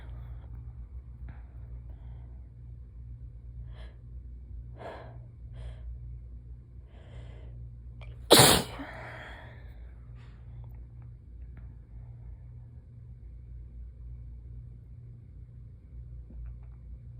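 Quiet breathing and small catches of breath build up to one loud, explosive sneeze, then settle; a normal sneezing reflex over low room hum.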